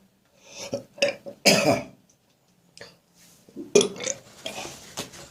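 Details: Several harsh, throaty cough bursts with gag-like retching between them, first thing in the morning, from a person with a winter cold who describes the cough as sometimes painful; traffic noise in the background: a harsh cough with a cold.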